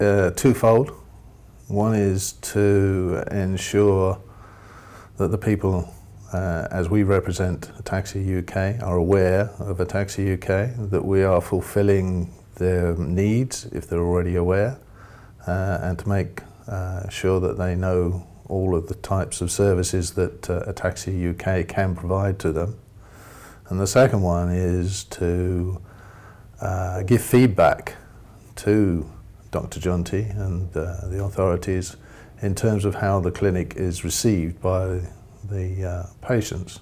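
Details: Adult man speaking; normal speech.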